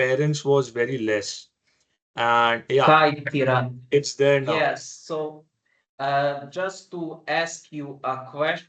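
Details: Adult man who has stammered since childhood: stuttering.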